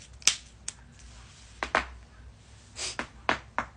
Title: joint cracking compilation